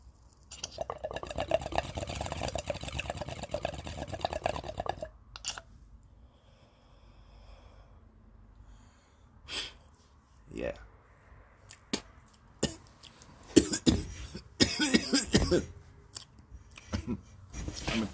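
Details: Harsh run of coughs and throat clearing right after inhaling smoke from a water pipe; the pipe's bubbling is heard first, then a pause before the cough after smoke inhalation.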